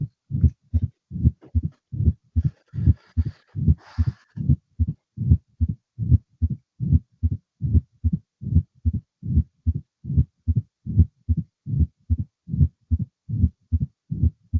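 Regular, strong low heart sounds at about 74 beats a minute with low rumbling between beats, a mitral stenosis diastolic rumble.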